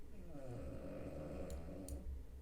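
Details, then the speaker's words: Low, rumbling, continuous snoring from a sleeping female dog, heard faintly in the background under steady video-game sound. "my dog is snoring again can you hear it oh my God I'm so sorry um all right oh my God she's so loud"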